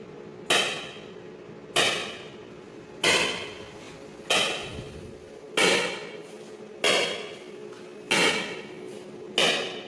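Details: Extracorporeal shock wave lithotripsy (ESWL) of a left kidney stone focused by C-arm fluoroscopy, delivered through a fluid-filled membrane: loud, sharp, evenly spaced knocks at about 47 per minute, each fading quickly.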